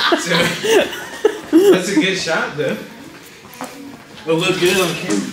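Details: Adult male speaker; Normal speech.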